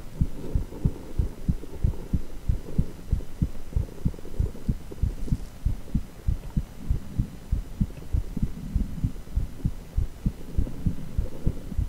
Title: Echo with heartbeat sound